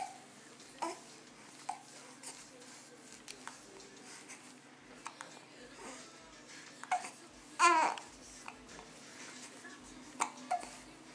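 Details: Happy infant babbling and making happy noises while hiccuping; short, sharp hiccup sounds every second or two in a quiet room; ordinary infant hiccups.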